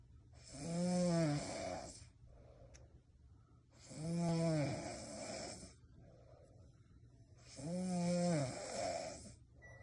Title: Flying robot at the sounds of snoring